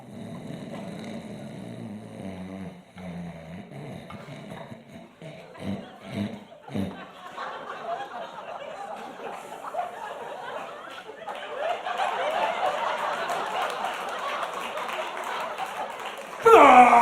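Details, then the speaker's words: Comedian's stage imitation of his own sleep apnea: rough snoring snorts that break off as breathing stops, followed by audience laughter and applause; simulated sleep apnea snoring. "now this what it sounds like if you have sleep apnea now if you know somebody that sounds like this while they're sleeping you can go ahead and clap when you hear it"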